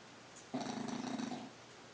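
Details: Single rumbling, fluttering snore lasting about one second from a sleeping dog, against quiet room noise; snoring.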